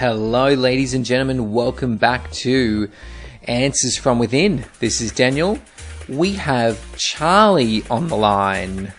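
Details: Adult male speaker; normal adult speech.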